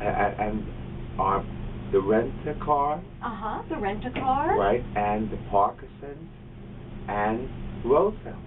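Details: Patient receiving outpatient speech-language therapy at a rehabilitation center for fluent aphasia of neurological origin such as stroke or brain injury; fluent aphasia.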